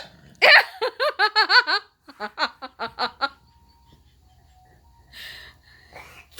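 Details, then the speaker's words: A son with a sudden, severe fit of hiccups while playing a video game: sudden voiced gasps in quick succession mixed with laughter, then a quieter run of catches; hiccups. "no it's a pretty severe fit of hiccups daniel i couldn't resist"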